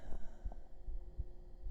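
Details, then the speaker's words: Soft, low, regular heartbeat thumps at roughly 80 beats per minute over a faint hum, played in an ASMR roleplay as if heard with the head on the chest; heartbeat. "okay just for Chloe we'll do some Heartbeats can you hear them with your head on the chest"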